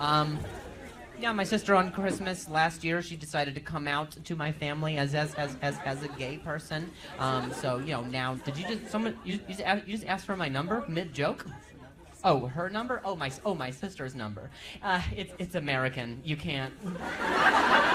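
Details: Adult male comedian who stutters, performing live crowd work on stage; he says noises in his ear while he talks make him stutter. Real stuttering.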